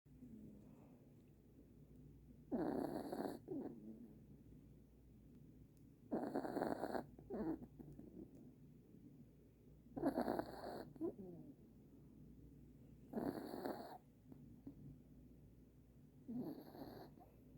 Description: Our new puppy Oliver, snoring in his new Christmas pajamas #dog #dogs #christmas #puppy